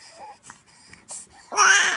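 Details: Baby boy: soft infant fussing builds into a loud, sustained cry at the end; an ordinary infant cry.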